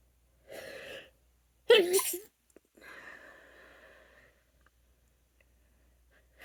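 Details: Female allergy sneeze from itching: a drawn-in breath, a forceful sneeze burst, then a long, drawn-out vocal exhale.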